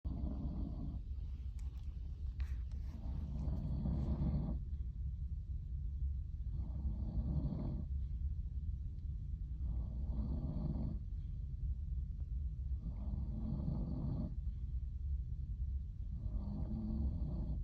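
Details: Overnight sleep recording of a sleeper with obstructive sleep apnea: loud, regular snores about every three seconds over a steady low hum, with gasping for breath.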